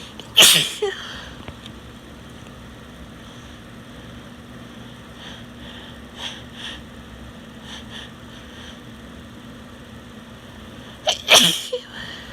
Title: Cold or Flu? (F) Barking Sneezes